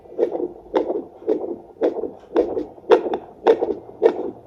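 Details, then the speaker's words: A pregnant woman's own adult heartbeat on a battery-powered handheld home fetal Doppler: regular whooshing pulses at about 109 a minute, with the rate shown on the display. "vous voyez, là vous entendez mon cœur battre. Là ça vous montre à quelle fréquence mon cœur bat."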